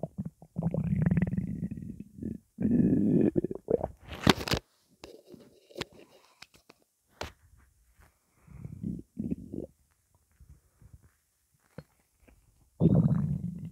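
Low, deep rumbling and gurgling bursts with squeaky gas movements between them; ordinary hunger stomach rumbling.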